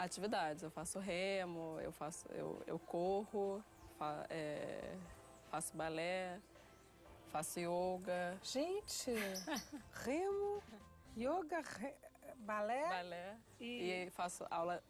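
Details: Stuttering since early childhood in a 30-year-old woman; unable to say a sentence at age 9.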